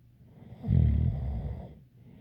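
One low, rattling breath-in snore about a second long, with a faint whistle in it.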